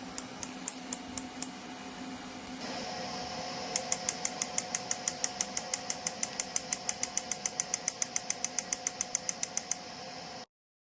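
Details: Steady hum with rapid sharp clicking pulses, about three or four per second, from the PHYSI WAVE PRO magnetic therapy device (rTMS technology, up to 4T, air-cooled), its working handle fixed over the treatment area during stimulation.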